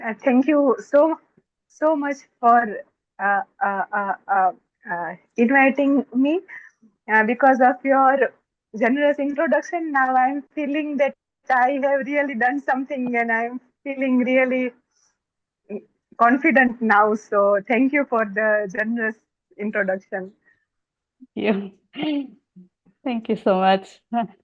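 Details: Stammering (stuttering) in an adult woman who reports stammering more when excited.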